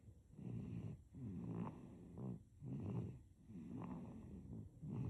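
Soft, rhythmic snoring with a low rattling vibration on each breath, about 27 breaths a minute, in a sleeping infant.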